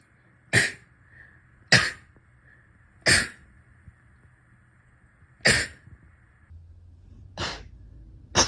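Six sharp, short sneezes in quick succession, about one to two seconds apart. A steady faint tone runs behind most of them. Repeated sneezing.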